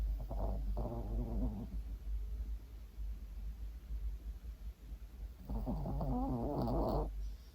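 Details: 8-year-old male Maltese dog asleep pressed against his owner: low, rumbling snores, two long breaths with a soft pause between, under steady room hum; dog snoring.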